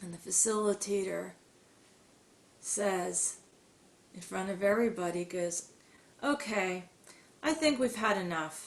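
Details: Adult woman who stutters, recalling high school speeches; stuttering.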